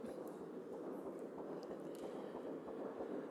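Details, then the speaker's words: Fetal heartbeat at six weeks of pregnancy, played during a talk on fetal development: rapid, rhythmic whooshing thumps on Doppler, much faster than an adult heart. "six weeks brain waves are detectable and we can hear the baby's heartbeat"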